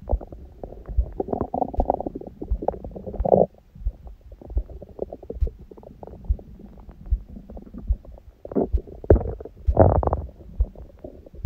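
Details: Person on a raw-food diet, recorded after her first meal following a fast and after abdominal exercise: heartbeat prominent at first, then low rumbling and irregular gurgling with louder squelching bursts. Active bowel sounds.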